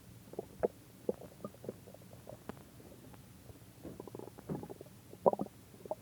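Soft, irregular gurgles, squeaks and bubbling rumbles come and go through a quiet background; ordinary stomach growling.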